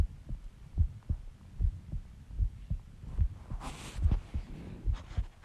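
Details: Heartbeat recorded after stomach growling about an hour after eating eggs and ice cream and drinking Coke; steady, regular low thumps at about 74 beats a minute with a brief rustle partway through; normal heartbeat.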